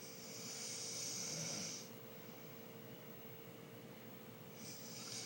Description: My uncle snoring